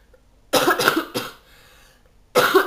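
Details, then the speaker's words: Adult woman sick with flu for about ten days, expecting antibiotics from her doctor, coughing during a makeup tutorial: a quick run of harsh, loose coughs, then another cough after a brief pause. "agazze avranno la pazienza di sopportare la mia tosse magari si diventa eccessiva spenga un attimo"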